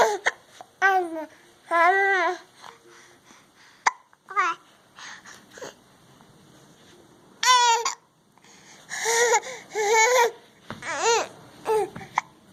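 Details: Baby with hiccups while trying to babble: babbling and squealing broken by several short, sharp catches in the breath; infant hiccups.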